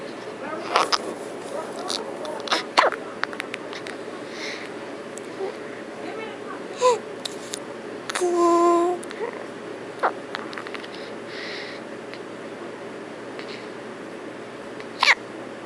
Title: Hiccups!